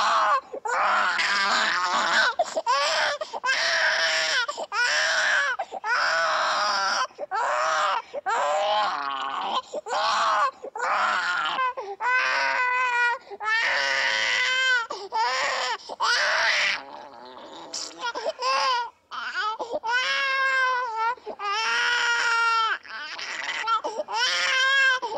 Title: Unhappy Baby Crying & Fussing Sound Effect